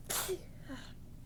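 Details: Soft, tickly sneeze while talking: one soft, breathy, stifled sneeze followed by a faint exhale, over low room hum.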